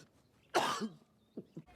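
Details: Acted cough by a TV drama character at a bad moment: a single harsh, wet-sounding cough burst with a throaty tail, followed by two faint short sounds.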